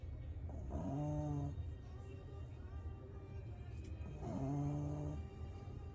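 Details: Two drawn-out, whistling, tonal snores about three and a half seconds apart over a steady low hum, from a sleeping female pet just back from the groomer; ordinary snoring.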